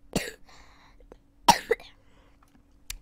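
A few short, sharp cough bursts with quiet room noise between; ordinary coughing.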